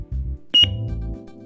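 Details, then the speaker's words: Defibtech Lifeline DDU-100 automated external defibrillator (AED) being switched on with the on-off button: a single bright electronic power-on beep over background music, in a training overview. "Once you've determined that the victim needs treatment, start by turning the Lifeline AED on. To turn the unit on, simply press the on-off button."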